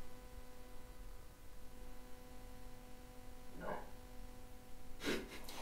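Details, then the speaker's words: A brief low stomach gurgle from a person who describes being gassy breaks a quiet, humming room, followed by a sharp breath: ordinary bowel sounds. "Like stomach going bluh. - I'm a bit gassy."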